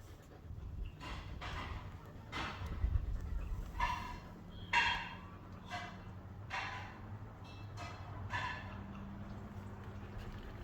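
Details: Rapid, rhythmic, breathy panting from a pet gazelle after a run, over a steady background hum; heavy post-exercise panting.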